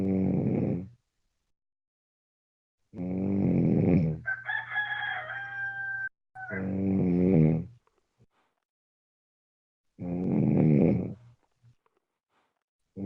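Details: Sleeping person recorded in the early morning; loud, rough, buzzing snores about 17 a minute, with quiet pauses and a brief whistling sound after one snore; snoring.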